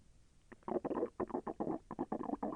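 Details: Bowel sounds (borborygmi) during digestion: rapid bubbly gurgling and rolling bursts from the belly as gas and fluid move. The person felt the intestine move and said it was a little painful.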